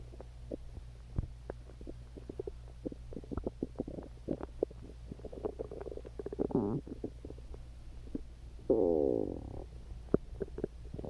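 Gurgling, bubbling stomach growls with clicks and two longer rumbling squeals, ordinary bowel sounds.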